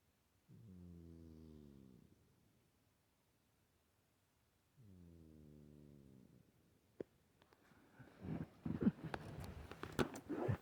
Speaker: got Rocky snoring. He's quite the snoring cat. He's sleeping away there, having a good snore.